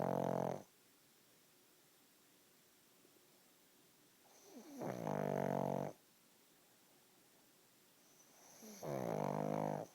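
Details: Napping pug: loud rattling snores about once every four seconds with quiet gaps between; typical snoring of a short-nosed dog.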